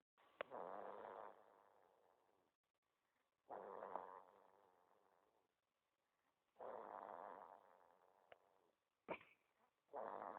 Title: Katara snoring!! So cute